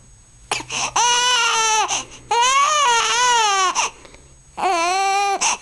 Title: crying for food